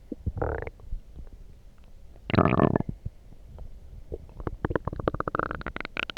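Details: Loud stomach growling after drinking coffee; borborygmi.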